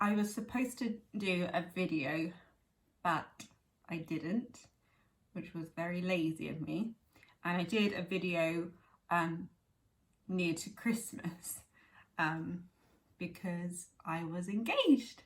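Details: Young woman with chronic aphasia from a stroke at age 18, now 11 years post-stroke, speaking conversationally; aphasia.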